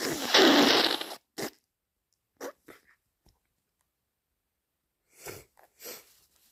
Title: More induced cold sneezes plus snotty blows